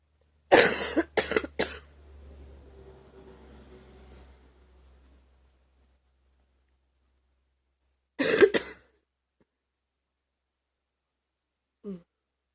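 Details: Two bursts of loose, rattling coughs, three then two, with a faint rumbly breath between; chesty wet productive cough, the person felt near vomiting from coughing.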